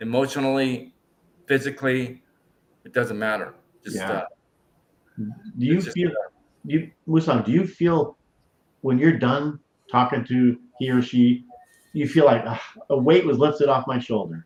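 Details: Stroke survivor with aphasia that has improved greatly over years, who still mumbles and forgets things; real speech; finding: aphasia.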